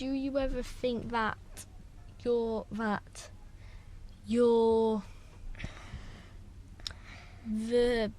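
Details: Stuttering in one of two brothers who both have a stammer; speech breaks up with pauses and repeated words.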